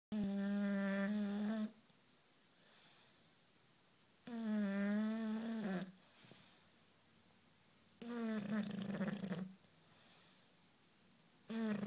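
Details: Bulldog aged 1 year 5 months, asleep while cuddling on the couch: loud, buzzing, tonal snores on each in-breath, about 15 a minute, with quiet out-breaths; snoring of a flat-faced dog.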